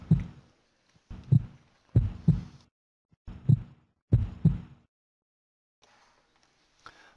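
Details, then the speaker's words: Five paired low lub-dub thumps, about 70 beats a minute, then quiet: a regular heartbeat illustrating the heart pumping blood through the body. "it is a pump to force blood through the body and it is the cause of your heartbeat"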